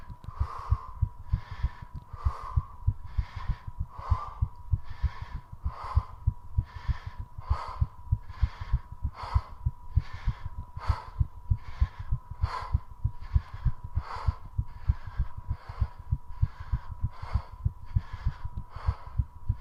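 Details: Heart rate rising during 3.5 minutes of squats done to push it as high as possible: very rapid, steady heart thumps under loud, rhythmic panting breaths.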